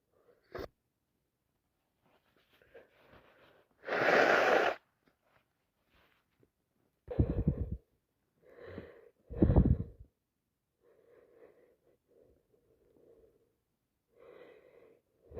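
Breathy build-up gasps followed by several loud, wet sneeze bursts, then quieter sniffing and nose sounds; sneezing with a head cold.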